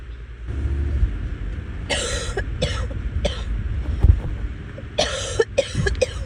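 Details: Repeated coughing while sick, recorded during the illness: about six harsh coughs in two clusters over a steady low engine rumble.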